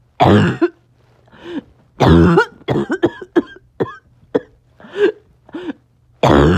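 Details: Barking cough occurring on and off all day: harsh, hoarse, seal-like coughs with rough crowing breaths between them.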